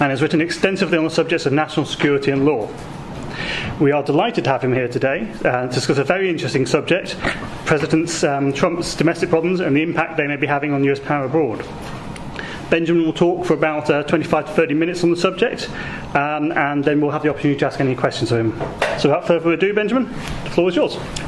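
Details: Adult male speaker; Normal voice.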